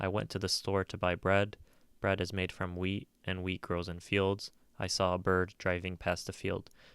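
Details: Derailment (loose associations) read aloud as an example of a schizophrenia speech pattern: jumping between topics with only superficial connections and no logical link.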